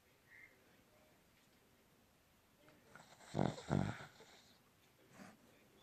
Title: Funny benji snoring part 2